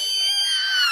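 A brief, very high, squeaky falling sound imitating an unusually high-pitched sneeze.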